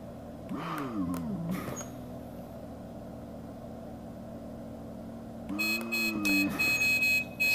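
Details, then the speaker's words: CareFusion ventilator in PRVC mode, with the volume limited alarm deliberately triggered: alarm tones over the machine's steady hum, sounding because more than 35 of pressure is needed to deliver the set 500 mL volume; a high pressure alarm also sounded. "there is my volume limited alarm there's also a high pressure alarm that I didn't mean to do also but my volume limited alarm is gone"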